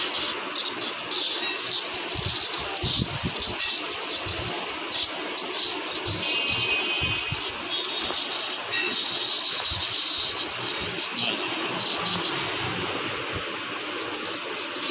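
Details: Teeth scaling procedure with an ultrasonic (vibrating) scaler using water: steady high-pitched hiss and buzz with water spray throughout; ultrasonic dental scaler.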